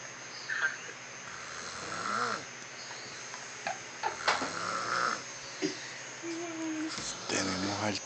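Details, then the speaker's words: Man (papi) lying in bed snoring with his mouth open: repeated loud, tonal, throaty, voice-like snores over faint room noise and a brief background voice. "aquí en la cama roncando papi con la boca abierta"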